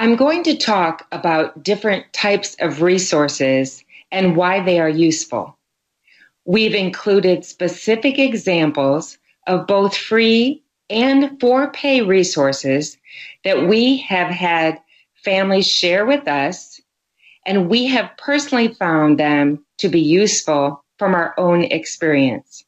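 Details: Adult woman; Normal speech.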